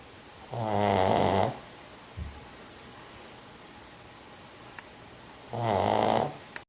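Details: Snoring from Jack, a sleeping pug (flat-faced dog): two long, loud, rattling snores separated by quiet pauses; suspected sleep apnea.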